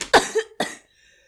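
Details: Adult who is unwell and mentions cough syrup gives two sharp, harsh coughs in quick succession, then quiet; cough.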